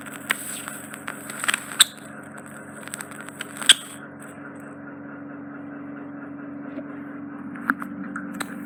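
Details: Ear wax removal by suction in a hearing clinic, large wax chunk, horizontally shaped ear canal: steady hissing suction hum with scattered sharp crackles and clicks as wax is drawn up.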